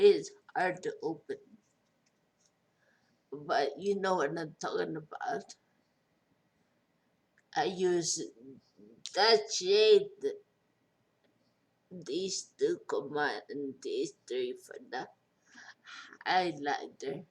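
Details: Speech impairment after stroke in a 43-year-old woman after a major stroke with a long recovery; she says she is hard to understand.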